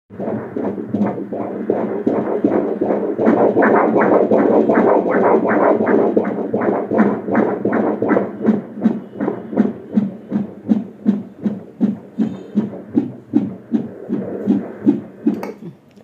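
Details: Fast, regular whooshing fetal heartbeat on ultrasound Doppler, around 160 beats a minute, a normal fetal rate.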